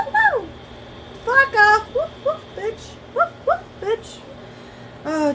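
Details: Loud bark-like vocalization within a burst of tics in a person with tics/Tourette's; vocal tics (Tourette syndrome).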